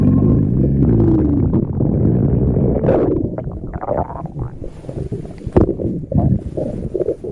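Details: Cat's stomach growl: low, rolling gurgles and rumbles from the belly as gas and fluid move through the gut; ordinary borborygmi.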